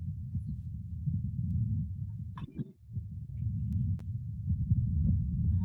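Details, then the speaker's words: Normal rumen contractions heard over the left flank: a deep, rolling low rumble with soft crackling through most of the clip, briefly pausing midway. "Y el caso de los movimientos ruminales, como sabrán, ¿no? Que realmente es muy, muy importante hacerle un diagnóstico precisamente del aparato digestivo, en particular de los movimientos que se van a contabilizar de estos animales"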